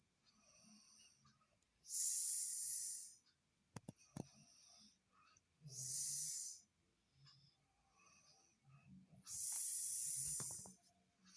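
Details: Three loud, hissing, whistle-like breaths about 16 a minute with quieter breathing between; an unusual high-pitched snore.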